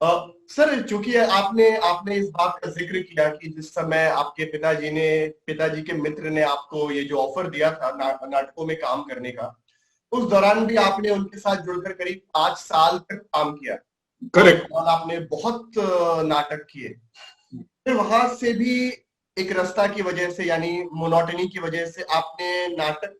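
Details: Adult male interviewer; normal adult male speech.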